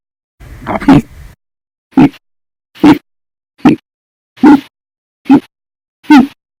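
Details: Persistent hiccups lasting 13 hours 32 minutes after eating breakfast and lunch and drinking a cup of soda after dinner: seven short, abrupt voiced hiccups at about 70 a minute, fairly regular, after an initial breathy sound.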